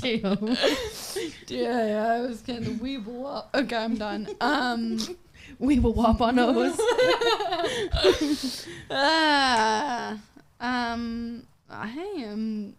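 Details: 26-year-old woman with Friedreich's ataxia, a progressive genetic nervous system disease affecting her coordination and walking; ataxic dysarthria.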